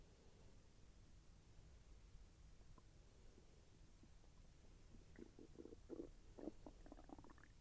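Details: Self-recorded stomach growling during digestion, with slight pain as the intestine moved: quiet steady hiss, then a run of soft bubbling, popping gurgles; ordinary bowel sounds (borborygmi).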